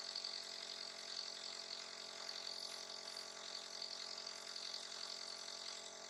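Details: Steady mechanical hum and hiss of a nebulizer used as a breathing aid for a little one who coughs and sneezes, continuous without breaks; nebulizer running.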